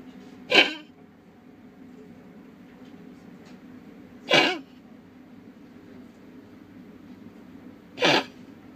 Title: Pomeranian with a Collapsing Trachea